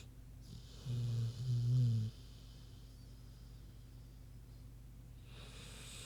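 A low, deep, grunting snore from a sleeping pig, then a quiet pause and the start of the next breath; harmless sleep snoring.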